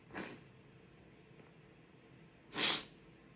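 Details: Two short, muffled, hissing stifled sneezes about two seconds apart, held back to stay quiet because everyone is asleep.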